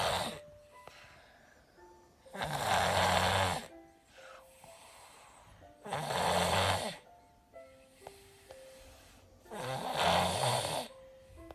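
Rough snores on each in-breath, about 17 a minute, with a congested, nasal sound during a cold. Soft music plays in the background.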